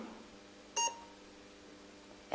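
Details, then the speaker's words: Roche CoaguChek XS Plus INR coagulation meter switched on with the front button; after a few seconds a single short high electronic beep over quiet room noise, the normal power-on tone. "we switch the meter on using this button on the front Okay takes a few seconds to come"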